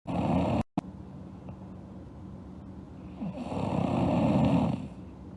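Low, rough rattling breath noises, one sound then a longer one after a quiet stretch, consistent with snoring, over background hum.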